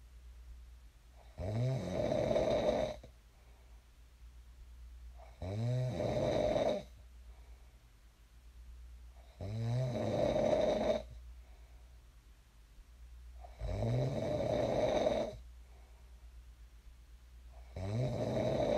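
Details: Sleep snoring recorded for ASMR: loud, rough, rattling snores on each inhalation, about 15 breaths a minute, with quiet exhalations between; ordinary snoring in a sleeper who later woke up.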